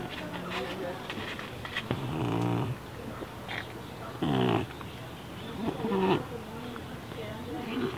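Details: Loud, irregular, pig-like snorting on each breath from an awake cat that is deaf and has neurological and breathing problems; snorting, noisy breathing.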